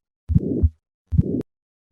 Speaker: Listen to a patient with a bicuspid aortic valve and notice the ejection click at the start of this murmur.